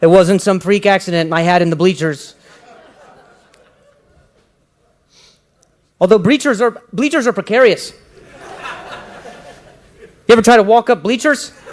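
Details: Acquired neurological stuttering in an adult who began stuttering at age 20 after a head injury during a softball game; finding: stuttering.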